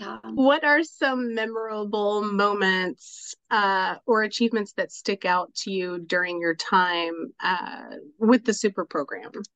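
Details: Adult woman speaking; normal speech.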